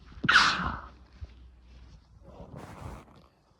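One sharp explosive burst of air, a sneeze, followed by a softer breathy exhalation.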